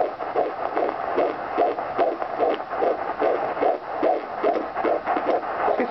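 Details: Rapid, whooshing rhythmic pulses of a fetal heartbeat by Doppler, about 146 beats a minute, at almost 5 months of pregnancy.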